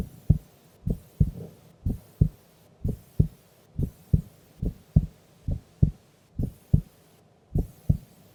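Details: Heartbeat of a woman sleeping during an afternoon nap, steady and resting with clear paired lub-dub sounds at about 63 beats a minute; normal heart sounds.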